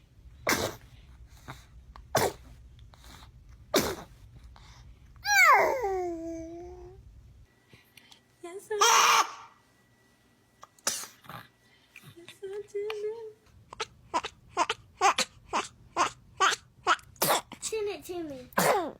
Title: Super cute babies sneezing #shorts #short